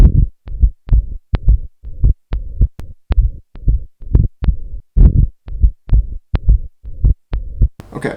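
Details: Regular low thumping heartbeat at about 107 beats per minute, recorded via the auscultation feature of a Kosmos Torso handheld point-of-care ultrasound probe during a cardiac exam; normal heart sounds.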